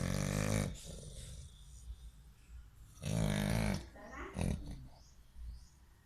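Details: American Bully dog snoring: loud, coarse, grunting snores with rumbling throat noise between breaths, heavy snoring while asleep.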